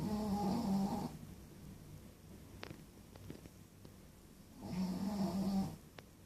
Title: Snoring Pekingese!